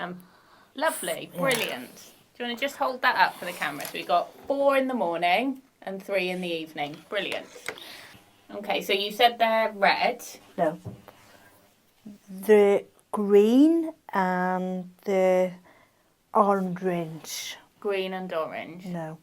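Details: Man with non-fluent aphasia after a stroke, speaking in a conversation where his partner is not using supportive communication strategies; aphasia (non-fluent, post-stroke).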